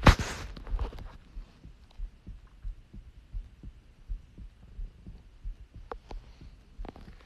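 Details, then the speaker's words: Faint, regular low thumps about 80 a minute under a loud handling bump at the start; an ordinary heartbeat picked up by a phone pressed against the chest. "like what they say if you put your phone on your chest you can hear heartbeats so let's go"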